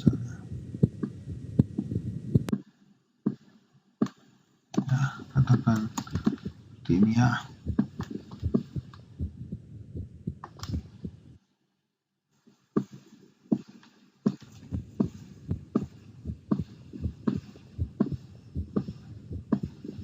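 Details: Heart sounds from DXR Clinician simulation software, heard at the mitral (bicuspid) area: regular low thumps at roughly 79 a minute, with brief background voices.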